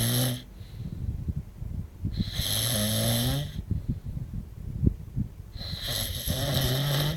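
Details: Adult man snoring during sleep, recorded in Benidorm in 2009; loud, rough, buzzing snores on each breath, about three in seven seconds, with quiet pauses between.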